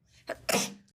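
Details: Short breathy intake then a brief, hissing 'choo' from a young woman; an acted, fake sneeze rather than a real one.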